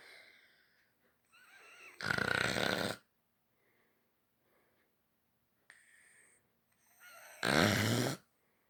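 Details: Sleeping puppy: two loud, rough snoring breaths about five seconds apart, each led by soft whistly nasal sounds; ordinary snoring.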